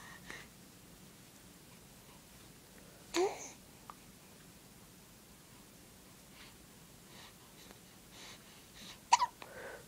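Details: Girl with recurring hiccups, not distressed: a few brief, abrupt voiced catches in a quiet room, including a sharp pair near the end: hiccups.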